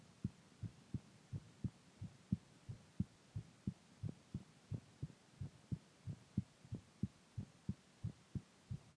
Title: heartbeat sound 1